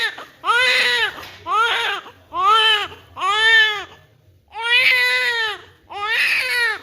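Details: Loud, rhythmic bursts of strong, clear crying with short breaths between from a newborn girl, during vernix cleaning after birth: a vigorous newborn cry.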